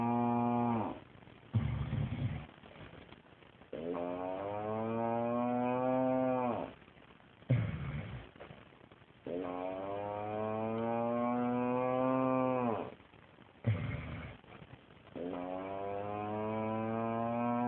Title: Husbands snoring sounds like a cow